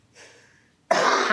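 A faint breathy intake, then a single loud, harsh cough burst cut off at the end; a cough in hypersensitivity pneumonitis.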